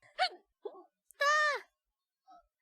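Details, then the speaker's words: Streamer with hiccups during a live stream; two short, squeaky voiced catches, then a drawn-out whining vowel in a quiet room; hiccups. "hiccups [ __ ] you [ __ ] you [ __ ] you idiot [ __ ] you sorry s SM the forehead I don't want to help me anymore hello hick I'm going to hick again come on where is it"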